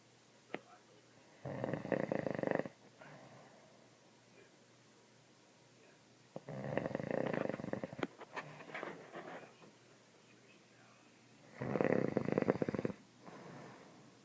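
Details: Adult father asleep: three loud, rough snores about five seconds apart with quiet breathing between, and not as loud as it gets; heavy snoring during sleep.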